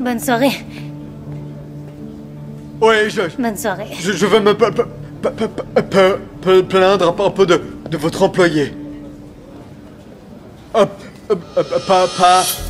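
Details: Young man who stutters, speaking to a woman at a speed-dating event in a film excerpt; reportedly struggles most with starting conversations and in emotional situations; finding: stuttering.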